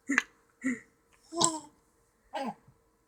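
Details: Hiccups: four short, abrupt voiced catches in about three seconds, each a sudden gulp-like sound.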